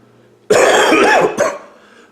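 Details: Adult with a hoarse voice, at the tail end of an illness, coughing.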